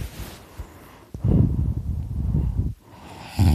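One long, deep, rumbling snore on the in-breath, with a softer breath sound at each end; ordinary snoring.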